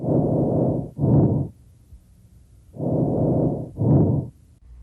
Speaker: the sounds produced by breathing change as air moves from the larger Airways